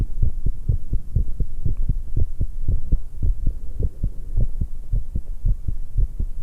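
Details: 19-year-old female, heartbeat recorded after exercise while drinking tea, with stomach noises: fast, strong, regular low thumps at about 115 beats a minute; rapid heartbeat after exercise.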